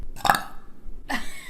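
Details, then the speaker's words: A girl gives a short, loud, voiced burp, followed by a brief vocal sound. Ordinary belching. "Sorry, that was rude. Excuse me."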